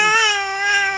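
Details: Sustained high-pitched wail from a baby, steady and strong in pitch, recorded on a mobile phone while adults say he is sleepy; a typical infant cry.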